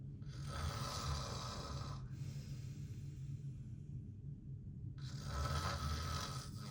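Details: Loud, rough, rattling snores recorded up close from a sleeping adult man, two long noisy breaths separated by a quieter pause; ordinary heavy snoring.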